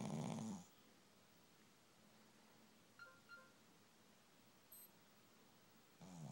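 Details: Dog sleeping and snoring loudly: rough snorting snores with quiet breathing pauses between, while being called to wake up.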